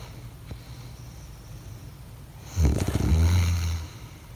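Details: A husband snoring at night: one loud, deep, rattling snore on the in-breath after quiet breathing, with a fluttering low rumble; snoring.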